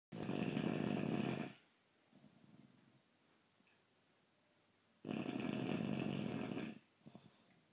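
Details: Tired bulldog asleep after an afternoon picnicking with other dogs: two loud, harsh snores on the in-breath about four seconds apart, with quieter breaths between; snoring.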